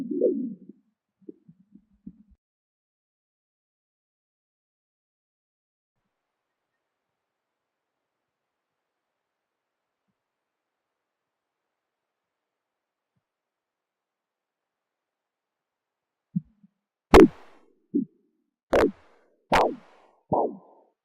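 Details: Blood pressure measurement with a CAT+ Doppler instead of a stethoscope: brief Doppler pulse sounds fade to silence, then return as rhythmic whooshing beats at about 75 per minute; Doppler arterial pulse sounds.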